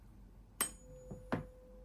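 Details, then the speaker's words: Rinne test in an ear examination OSCE: tuning fork tone, air conduction greater than bone conduction, Rinne positive, so the patient is either normal or may have sensorineural hearing loss. "so air conduction is more than b conduction meaning Rene positive so my patient is either normal or my patient might have sensory neural hearing loss"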